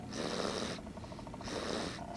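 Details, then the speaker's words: Loud snoring heard in a basement; adults think it is a young child, not the awake father: two soft, hissy breaths with a faint flutter between, over steady room noise; light snoring. "yeah cause daddy's awake and normally daddy snores but what i mean but this is pretty loud it's it's not maxwell it's definitely not maxwell and i don't think it's dexter i think it's charissia"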